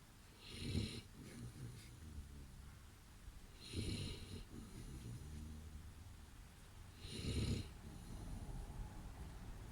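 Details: A male Boerboel dog snoring in his sleep: three loud, rough snores about every three seconds, each followed by a softer, rumbling out-breath; dog snoring.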